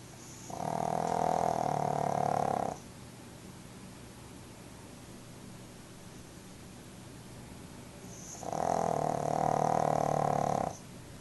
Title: Pug snoring!